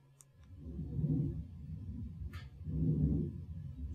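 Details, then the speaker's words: Normal breath sounds from a healthy person, played as a stethoscope example: soft, low whooshing breaths with no added sounds, in contrast to the crackles heard in lung illness. "so you all look healthy so your lung stethoscope sounds should sound like this"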